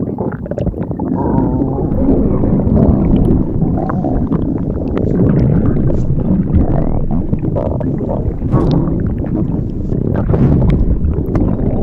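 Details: Continuous loud, low gurgling and rumbling with bubbly crackles throughout; stomach growling (borborygmi).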